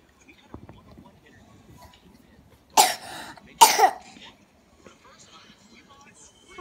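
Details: Two loud, harsh coughs about a second apart, with soft room noise and faint voices around them; coughing.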